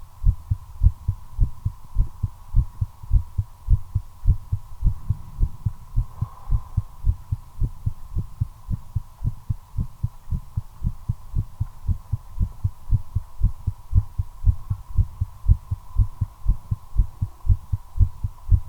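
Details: Own heartbeat recorded during cigarette smoking, accelerating from nicotine: steady, rapid thumps over a constant background hum; tachycardia.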